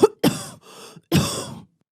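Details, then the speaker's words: Dry cough imitation illustrating restrictive (interstitial) lung disease: a few short, dry, hacking, non-productive cough bursts without rattle or mucus, the persistent cough of insidious onset. "out comes that persistent dry cough also you see that uncomfortable breath let loose by the maid as she struggles with the corset"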